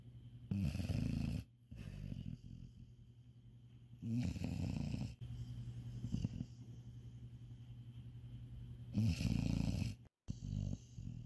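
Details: Rough, low snores on each breath, about 15 a minute, with quiet gaps between them; a cat sleeping in bed after a busy first day of Eid al-Adha, snoring.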